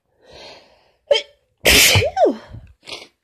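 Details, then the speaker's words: Strong, forceful sneeze, with a sharp intake of breath, an explosive burst ending in a voiced cry, then a sniff, from lingering cold remnants plus allergies; the tickle is mostly gone, and more sneezes are expected after a sneezing fit. "Tickle is pretty much gone, but a few remnants left, I think. A few sneezes yet to come."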